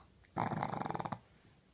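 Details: Pug that was born blind, unwell, snoring very loudly with her eyes open beside a 10-year-old black pug; a single short, fluttering, rattling snore lasting under a second.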